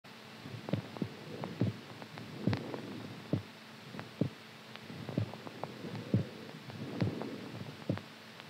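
Soft, steady paired thumps about 68 a minute over a low hum, a regular heartbeat.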